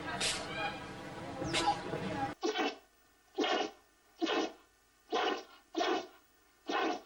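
A noisy opening, then six short, sharp nasal bursts in quick succession; this is a run of small sneezes.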